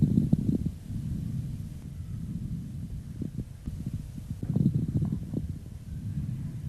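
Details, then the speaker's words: Muffled breath sounds through a stethoscope with scattered bubbling, popping crackles over two breaths: moist rales, from liquid secretion in the airways. "это жидкий секрет в крупные полости соединенная с бронхом как правило такое бывает при абсцессе и туберкулезной каверны давайте послушаем как звучат влажные хрипы"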